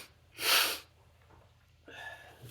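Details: Sneeze during a reading of the poem The Raven: one sharp, explosive sneeze followed by a quieter breathy exhale; an ordinary single sneeze.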